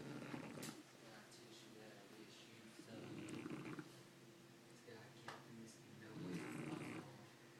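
Low, rattling, snorting breath sounds rise and fall with each breath, a dog snoring noisily through a crowded airway.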